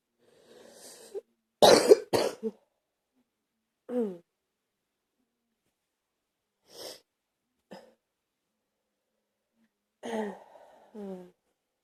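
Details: Person with a bad cold: a few short, forceful coughs, then softer coughs and throat sounds in a quiet room.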